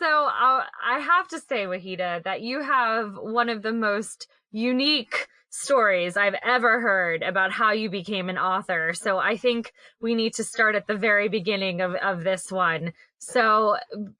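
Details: Adult woman speaking; normal speech.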